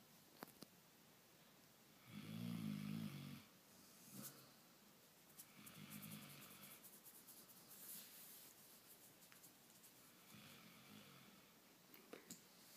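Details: Bear snoring before being woken: rumbling snores on inhalation, loud at first then softer, roughly every four seconds, with small rustles in a quiet room.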